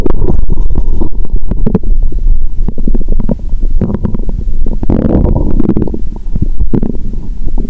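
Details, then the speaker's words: Bowel sounds (borborygmi) from the upper abdomen, heard by stethoscope after drinking cola in a cola-and-Mentos session, stomach painful, relaxed and sleepy: loud, continuous gurgling and rumbling with bubbly bursts of gas and fluid. "Bạn có thể nghe thấy âm thanh khác từ bụng trên 👂 ♪."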